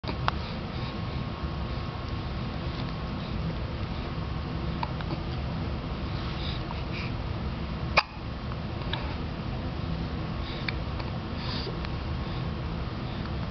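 A single sharp, abrupt hiccup sound with a few fainter clicks against steady low background noise.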